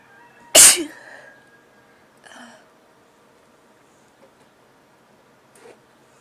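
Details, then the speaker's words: One sharp, explosive sneeze followed by quiet sniffing from an adult with a cold, whose nose had tickled for days. "my nose has been tickling like crazy for the last couple of days and I haven't been able to sneeze very much, so I was thinking that I would induce, but first I really need to blow my nose."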